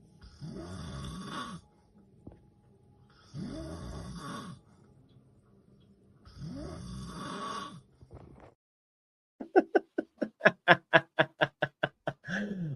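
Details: Loud, rough snoring on three breaths about three seconds apart, then a rapid fluttering rattle with no long pause, from a man who suspects sleep apnea: snoring.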